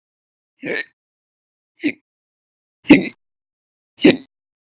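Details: Four short, sharp catching sounds about a second apart in silence. Violent, very loud hiccups from a run of persistent episodes lasting hours each, recorded 11/1/19 to 11/20/19.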